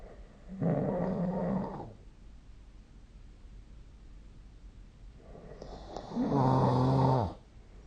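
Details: Snoring recorded with the SnoreLab app: two deep, rattling snores on inhalation several seconds apart, with quiet breathing between; ordinary sleep snoring.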